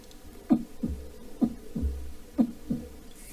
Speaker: that isn't actually my heart or an amplified heart sound I'm just making that noise in my throat but normal heart rate right